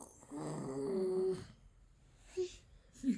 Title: My Father Snores Alot.... #shorts #youtubeshorts